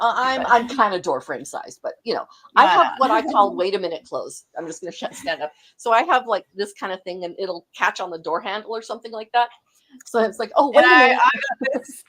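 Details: Adult woman speaking; Conversational speech.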